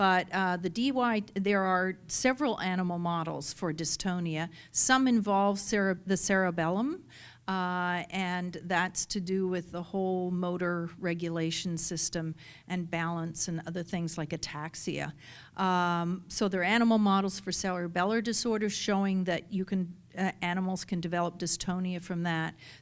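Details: Adult woman speaking; typical speech.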